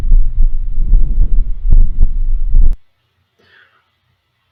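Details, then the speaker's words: Simulated normal vesicular breath sound over the lung periphery in a respiratory physiotherapy auscultation lesson: soft, low-pitched rustling. "eu tenho dois sons para mostrar para vocês de uma molho vesicular olsson vesicular vamos aprender"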